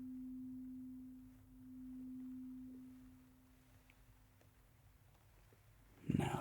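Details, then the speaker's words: Acted ASMR doctor-exam roleplay: after a whispered-number hearing check, a struck tuning fork gives a pure steady hum fading over about five seconds; the listener is asked to say when the vibration is no longer heard. Tuning fork hearing test. "And a little just a little bit of a a tuning fork test and just let me know when you um can no longer hear the hear the vibration sound. Okay. Tell me when you can no longer hear it."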